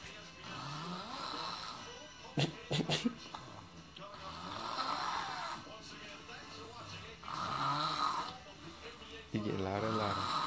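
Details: Sleeping person snoring loudly: rough, irregular snoring with music and talk in the background; others say it sounds like he needs his nose removed.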